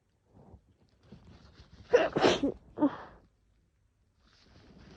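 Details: Sneezing with a head cold; each urge to cough triggers a sneeze, throat sore from repeated coughing and sneezing: quick in-breath, two forceful wet sneezes and a smaller third.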